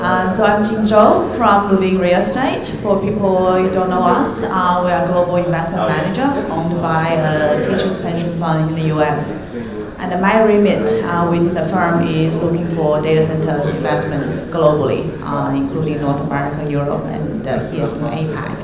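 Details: Adult speaker at a panel discussion; Normal speech.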